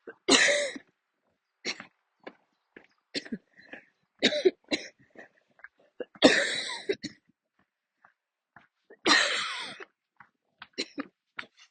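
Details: Coughing attack triggered while walking, near the end of a walk; the person kept walking instead of stopping to sit or kneel: a run of harsh coughs, three long, forceful bursts among many shorter ones, with throat clearing and footsteps.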